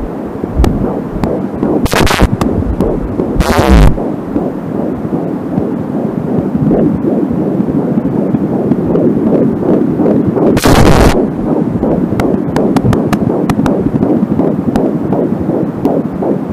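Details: Home Angelsound fetal Doppler recording, the first heard: fast whooshing fetal heartbeat, with slower stretches from the mother's own artery, plus static crackle from a short cable and bursts of probe noise.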